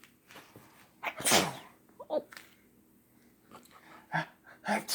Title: Baby sneeze while playing with Daddy